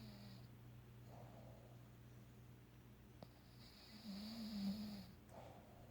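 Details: Low rumbling snore with steady throaty vibration and a louder snort near the end, from a bulldog during an afternoon nap, possibly dreaming: snoring.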